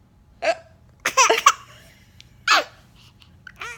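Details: Sharp, abrupt hiccups mixed with bursts of laughter from a baby: ordinary infant hiccups.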